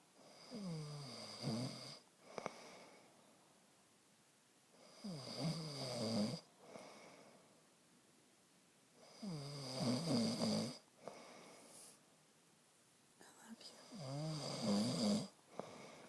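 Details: Man snoring at night, recorded on his phone by his partner: loud, rattling snores on each breath in, about 13 a minute, with quiet breathing out between; ordinary snoring.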